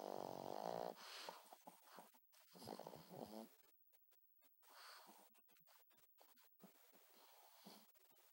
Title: Pug snoring